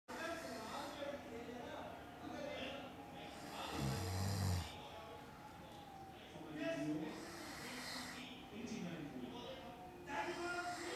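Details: Quiet, irregular snoring breaths with a brief snort during sleep, under steady room noise; snoring.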